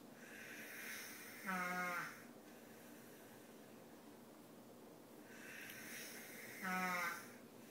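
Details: Adult snoring, loud enough to wake the person recording: two loud snores about five seconds apart, each a rough breathy draw ending in a voiced rattling snort, roughly twelve breaths a minute.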